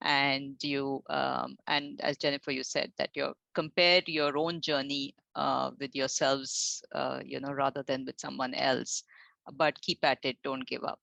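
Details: Adult speaker; Normal speech.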